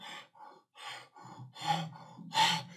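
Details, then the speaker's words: Imitated Kussmaul breathing: deep, rapid, forceful breaths in quick succession, demonstrating respiratory compensation for metabolic acidosis in diabetic ketoacidosis. "então ele tenta compensar pela respiração"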